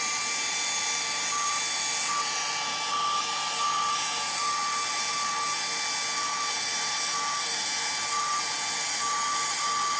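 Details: Steady high-pitched motor whine with faint pulsing over room hum: a rotational atherectomy catheter running during a live endovascular case, making cuts in a small-diameter diseased artery segment.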